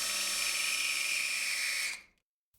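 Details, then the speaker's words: Retrograde femoral nailing for distal femur fracture, drill sleeve pressed to the near cortex through the aiming arm for distal locking; steady high-pitched whine about two seconds, then stops: surgical bone drilling for a locking screw. "With the drill sleeve pressed firmly to the near cortex, the drill bit is used to drill to the desired"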